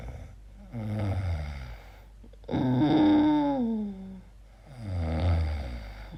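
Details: Sleeper recording own night-time noises, asking whether it is snoring or sleep apnea: loud, pitched, moaning sounds with each slow sleeping breath, rising and falling over a few seconds; noisy snoring.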